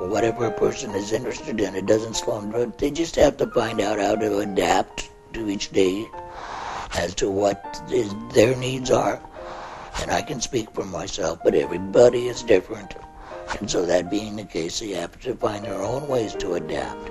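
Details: Man after total laryngectomy speaking with a tracheoesophageal prosthesis; he covers the stoma so air enters the esophagus, whose muscles act as false vocal cords: tracheoesophageal speech.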